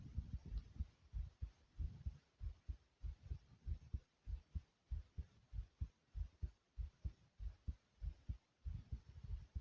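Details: Normal heartbeat.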